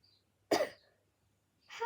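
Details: A person with a bad cough, caught after a school friend coughed in their face, that has been getting worse; cough.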